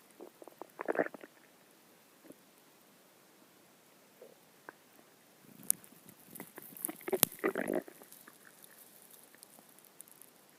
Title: My stomach growling